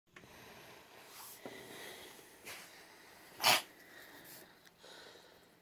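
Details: Cat sneezing, recorded 9/9/2017: one sharp, hissing sneeze with several softer snorting breaths and sniffs around it in a quiet room.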